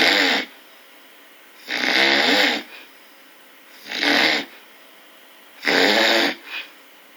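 Loud, rough snores recur in regular bursts, about four in seven seconds, each a harsh rattling breath: snoring.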